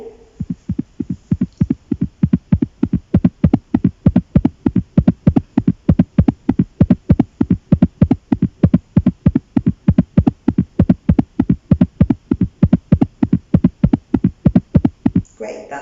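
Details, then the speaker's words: Normal heart sounds in a purring cat: fast, steady, evenly spaced beats at about 180 a minute, judged completely normal. "about 180 so completely normal as well"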